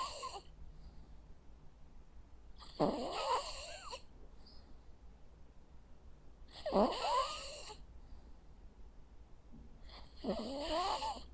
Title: Sounds of a Jack Russell dog snoring. Cute sleeping and snoring sounds.